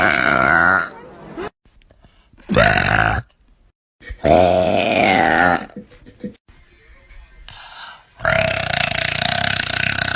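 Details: Girl burping in a compilation clip: long, loud, voiced belches in a row separated by short pauses; repeated burping.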